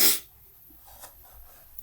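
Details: Adult man who suspects he may be ill (allergies, cold, flu or coronavirus) gives a single sharp, hissy sneeze, followed by near silence.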